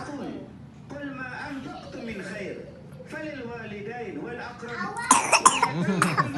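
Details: A 2-year-2-month-old child coughs while drinking: a burst of several harsh coughs against background chatter, recorded in 2018 before COVID, so not a COVID cough.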